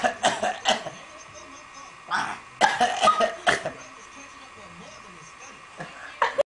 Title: fake coughing with Robbie and Cassie